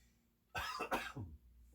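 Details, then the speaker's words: Voluntary forceful cough with a loose, breathy tail after cupping percussion and vibration on exhale over the anterior upper lobe, during chest physiotherapy demonstration for COVID-19 mucus clearance. "And vibration on the exhale. And big cough."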